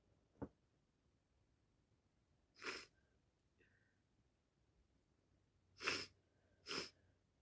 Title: It's official I've caught my bosses cold and can't stop sneezing and sniffing #achoo #cold